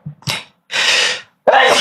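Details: Streamer with an allergic nose on a livestream, sneezing repeatedly: a short voiced intake followed by two forceful, noisy sneeze bursts in quick succession; repeated sneezing with allergy.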